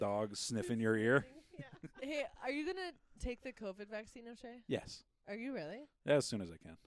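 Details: Adult speakers in conversation; no speech disorder.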